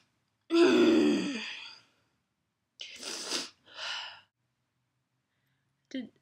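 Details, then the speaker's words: Man sneezing in an office in Japan without covering his mouth: a long voiced wind-up, then a single loud, forceful two-part sneeze burst and a brief trailing sound. "Did anyone see that? That man he just sneezed and he didn't even try and cover his mouth."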